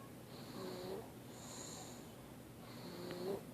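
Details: A male sleeper gives two soft, low rattling breaths, each with a faint tonal moan, in a quiet room; snoring.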